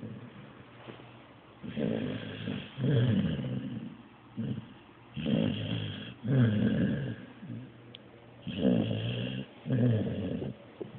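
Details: Blue nose pit bull asleep after a long day: low, rattling snores at about 18 breaths a minute, some with a growly edge; snoring.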